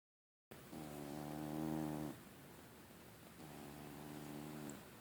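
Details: Large fluffy male cat snoring while asleep, which he does habitually: two slow, low, buzzing breaths with a rattling tone in a quiet room.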